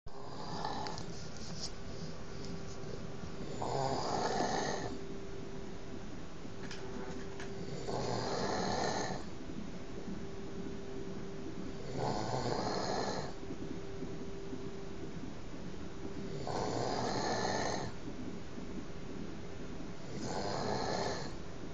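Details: Steady, rumbling snores about every four seconds (roughly 14 a minute), heard all night, over a constant room hum; regular adult snoring.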